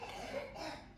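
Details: Short cough bursts from a young child amid household room noise; the child is said to be coughing a lot.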